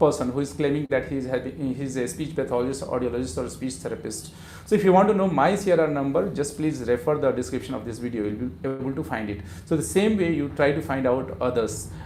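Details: Adult man speaking; normal speech.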